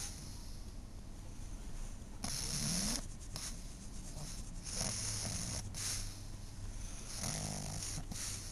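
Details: 12-year-old female pug snoring while napping: noisy rasping breaths with snorting bursts over a steady low room rumble.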